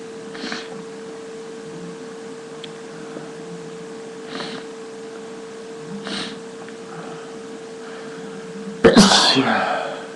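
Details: Someone sneezes many times after sniffing pepper; sneezing.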